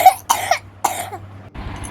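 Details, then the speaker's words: Wet cough: three short, harsh coughs from a child, sounding like phlegm and mucus congested in the chest. "देखिए इस तरह की खांसी हो ना, लग रहा है ना कि कफ जमा हुआ छाती में, बलगम है, तो इस तरह में बहुत ही कामगार देती है।"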